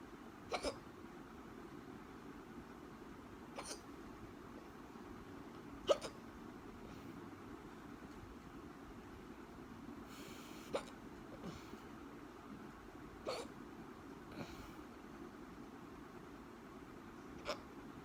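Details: Repeated hiccups: sharp, brief hiccup clicks about every two to three seconds, roughly seven in total, over steady background hum.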